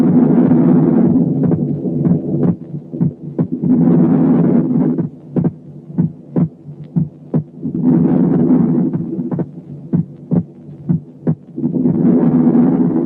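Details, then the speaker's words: Normal physiological splitting of the second heart sound over loud breath sounds, heard at the pulmonary area (second left intercostal space): S2 splits on inspiration and is single on expiration. "تعالوا نسمع مثل من النورمال سكند ساوند اللي السبليتنج فيه vary with the respiration، ولاحظوا السبليت بس مع الانسبيريشن."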